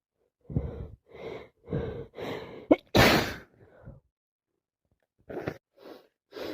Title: More my cold sneezing it won't stop tonight